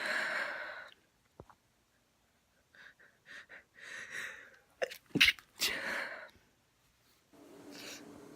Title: A stifle and some sneezes (F)